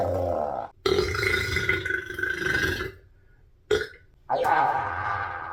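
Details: Long, loud, rumbling belches, one lasting about two seconds, then shorter ones, from a bloated person after a lunch of pizza, fries and a shake; repeated burping.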